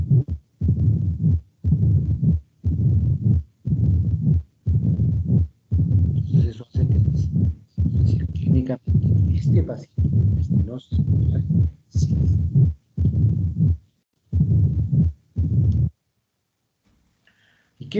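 Regular low-pitched rumbling heart cycles, about 58 a minute, fitting the diastolic rumble of mitral stenosis; a voice starts at the end.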